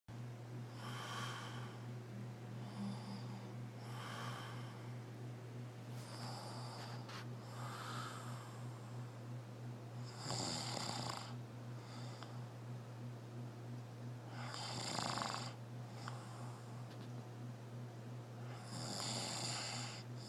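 Breathy, rattling snores roughly every four seconds over a steady low background hum; ordinary snoring.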